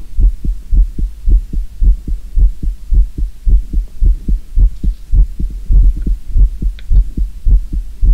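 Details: Real human heartbeat recorded for no-talking ASMR: steady, regular low thumps at about 110 beats a minute over a soft hum; normal heartbeat, slightly fast.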